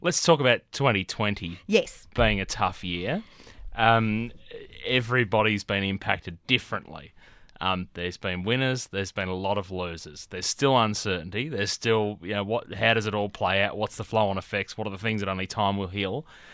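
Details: Adult male interviewer; typical speech.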